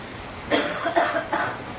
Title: Headache, Shoulder Pain, Cough and Phlegm